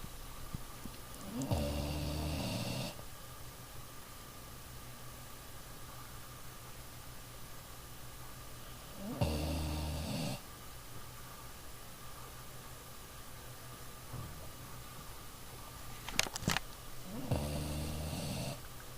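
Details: A small dog resting after a hard day of play, snoring in sleep: three low, rattling snores several seconds apart, about ten breaths a minute, over quiet room noise.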